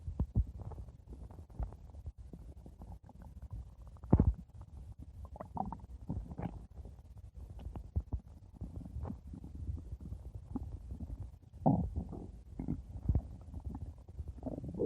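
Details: Ordinary stomach growling (borborygmi): soft, irregular low rumbles and gurgles with occasional louder bubbling bursts.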